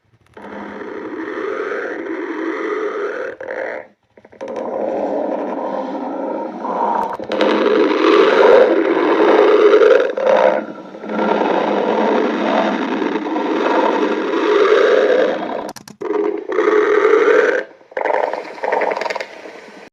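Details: Cartoon stomach growling (borborygmi): long rumbling gurgles with brief pitched squeaks and short pauses.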